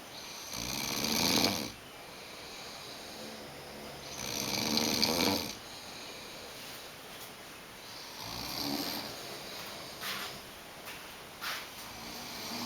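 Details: A snoring competition entry: harsh, hissing snores roughly every three to four seconds, fading toward the end, with faint room noise; ordinary snoring.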